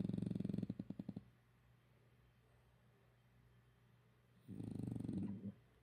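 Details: Ordinary snoring in a sleeping dog: two loud rattling snores with a fluttering buzz, separated by a quiet pause.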